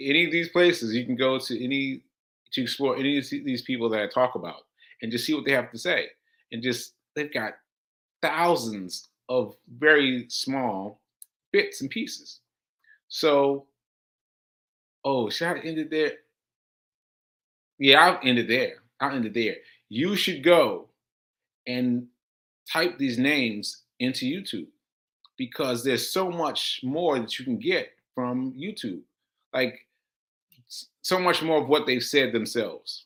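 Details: Aphasia, a language disorder affecting communication, in a male host about six months into recovery since July; he says he experiences it when trying to communicate.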